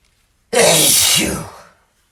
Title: Sneezing Male